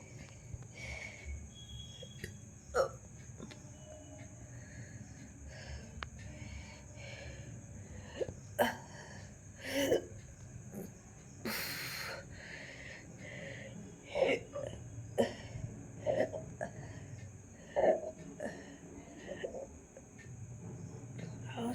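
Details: Brief, sharp, jerky inward catches recur every second or two over steady room hum and background music; repeated hiccups.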